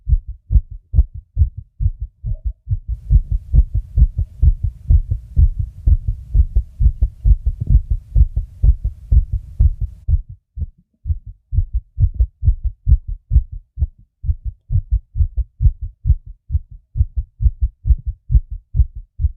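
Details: Own fast heartbeat recording: quick, steady, dull heart thumps; a fast heartbeat (tachycardia).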